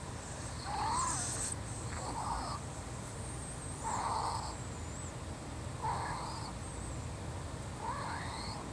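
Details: Cat breathing with short, high whistling squeaks at regular intervals: wheezing from narrowed airways.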